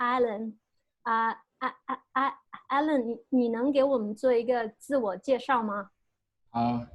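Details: Male US-born university senior of Chinese family who has stuttered since about age five or six, with blocks and getting stuck on sounds; his biological father and maternal grandfather reportedly also stutter; stuttering.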